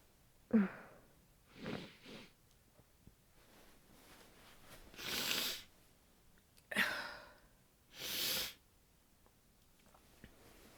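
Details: Two muffled sneezes into a down duvet, each preceded by a short breath in, from a tired person in bed after time out in cold, windy weather; nose sensitive, hopes it is not a cold.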